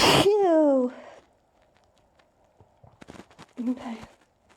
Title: i really tried to holdback my sneezes :(